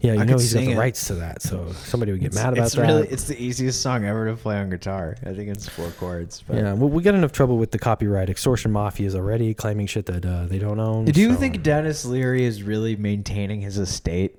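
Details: Adult male speaker; normal speech.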